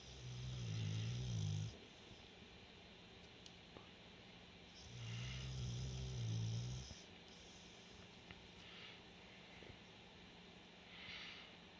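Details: Low, rumbling, fluttering snoring breaths with quiet gaps between them in a quiet room; snoring during sleep.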